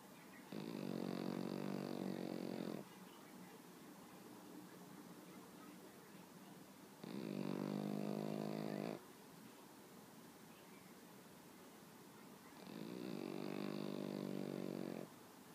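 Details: Pet Pekingese dog sleeping on owner in the morning: three long, rattling snores roughly five to six seconds apart over steady background hiss; peaceful snoring.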